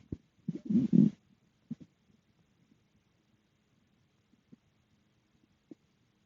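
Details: Stomach growling after eating dinner: low gurgling rumbles with a loud burst near the start, then scattered faint gurgles in a quiet room; normal bowel sounds.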